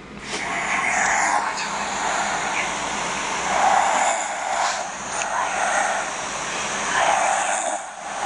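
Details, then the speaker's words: Phone playback of a woman 27 weeks pregnant snoring while asleep: rough, noisy snores recur about every three seconds over a steady hiss. Recorded by her partner. "okay so i recorded her last night while she was asleep snoring because she claims that she don't snore it's the baby"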